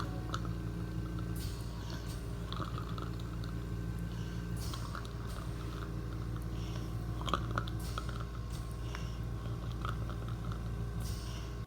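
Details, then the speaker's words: Actively dying hospice patient in the last phase of life: soft wet gurgling and crackling with breathing over steady room hum; terminal secretions (death rattle). "I think in the next video you'll really see the changes in breathing uh a little better because you can see her breath more, her chest rising and falling and you'll hear hear terminal secretions which is that death rattle."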